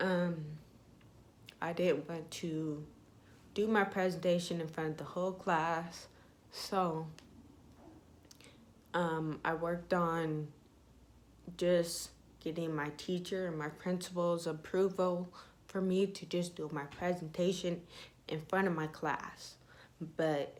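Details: Young woman with self-reported ataxia type 46, with symptoms beginning in high school, who says her voice trembles whenever she talks; voice tremor (ataxia).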